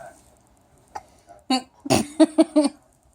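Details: Old recording of milky hiccups, likely an infant being coaxed to drink: a few short, abrupt voiced gulps in close succession, each cut off sharply.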